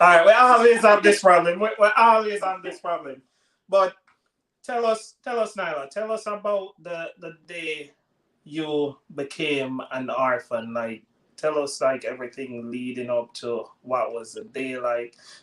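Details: Adult speaker; normal speech.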